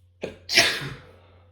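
A short intake of breath, then one sharp, hissing burst fading out: a sneeze. Only one sneeze is in this short segment.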